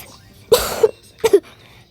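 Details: Adult woman who says she is sick with a hoarse voice gives two coughs: a longer, harsh first cough with a voiced tail, then a shorter double-pulsed one, in a quiet room.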